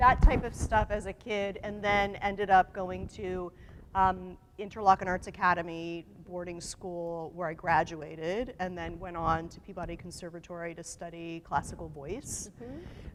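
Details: Adult woman speaking; Normal voice.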